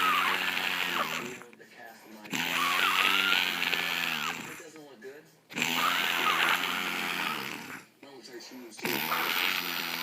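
Loud, harsh, buzzing snores about every three to four seconds with brief quiet gaps; heavy snoring.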